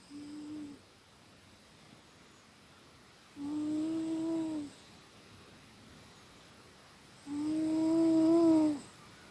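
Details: Timothy, a pet asleep snug at the owner's side in the early morning, rain on the window: three drawn-out, tonal, humming snores spaced a few seconds apart; ordinary snoring.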